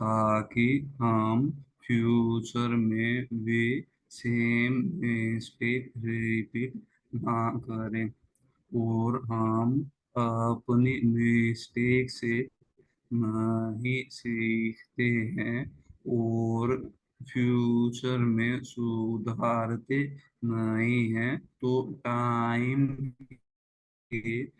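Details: Person who stammers, taking part in a stammering support-group meeting, speaking Hindi; stuttering.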